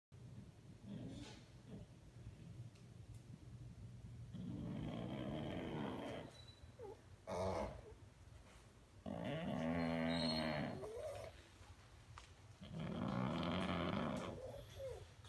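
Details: Pug dog in deep sleep, snoring loudly enough to drown out the TV: loud rattling snores on inspiration, about three in fifteen seconds, with quieter snuffling between.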